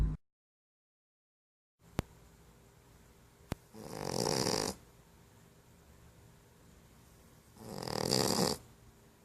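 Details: Two rough, drawn-out snores about four seconds apart over faint room hiss; a sleeping female Boxer puppy snoring remarkably loudly for her size.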